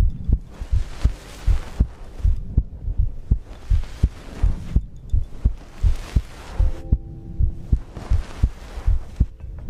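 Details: Steady thudding heartbeat, about 80 beats a minute, with soft breathing and faint hum; heartbeat and breathing ASMR recording.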